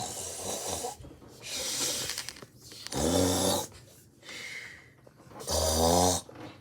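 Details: Snoring: alternating hissing breaths and deep rattling inward snores, roughly one breath cycle every three seconds.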